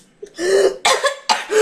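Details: Child singing "Let It Go" breaks off into two abrupt, harsh cough bursts.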